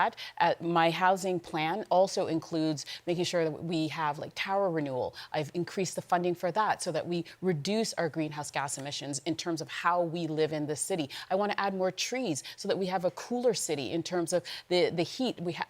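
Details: Adult woman speaking; Normal voice.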